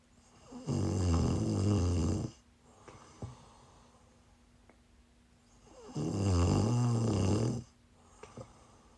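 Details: Person snoring while sick, recorded during a livestream: two long, low, rattling snores on inhalation about five seconds apart, quiet between, over a steady hum.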